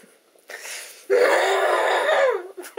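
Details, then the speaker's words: Woman clearing her throat, trying to get "a frog" out of it: a short rasp, then a long, strained, rough throat-clearing effort with a creaky, gurgling voice, as if shifting mucus. "I'm trying to get a frog out of my throat."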